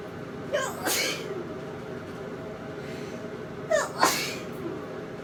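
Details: Two sneezes in the shower, each a quick inward breath then a sharp burst, over a steady running-water hiss; ordinary sneezing.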